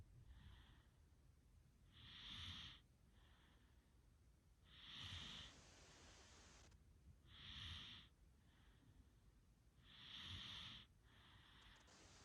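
Rhythmic snoring, about 23 breaths a minute, with a hissing, snorting quality on each breath in and softer breaths out.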